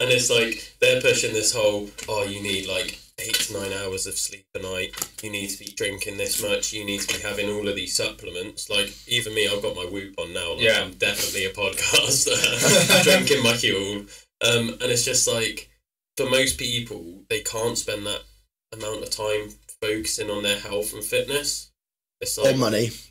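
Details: Adult speaker; typical speech.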